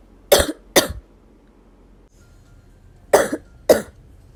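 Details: Four short, harsh coughs in two pairs separated by a brief quiet pause, from the same person coughing repeatedly.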